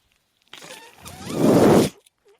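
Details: The speaker's own mechanical ventilator, heard while he talks: a brief mechanical whooshing and whirring that builds and then cuts off as the ventilator delivers a breath.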